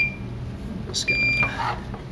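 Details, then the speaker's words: Brief electronic beeping tones from an infusion device alarm over room noise, heard while an adult about 90 days post-transplant primes the line and hooks it to a catheter lumen at home. "shut that off otherwise it'll keep beeping"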